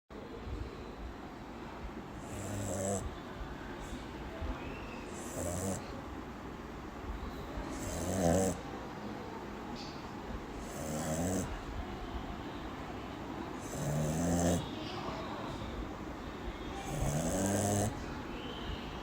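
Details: Sleeping Shih Tzu dog: regular low rumbling snores about every three seconds, roughly 20 a minute, over steady room noise; snoring.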